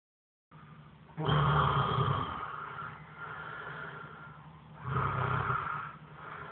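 Two long, loud, rough rattling breaths with quieter breathing between, consistent with heavy snoring during sleep.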